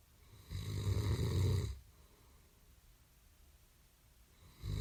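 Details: Loud, heavy, rumbling snore on one in-breath, then a quiet pause before the next breath; described as fairly loud, heavy snoring recorded for about 1.5 minutes; snoring.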